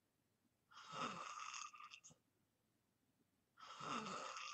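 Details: Person asleep gives two quiet, hissing, whistly snoring breaths with a soft rattle, separated by silence; light snoring.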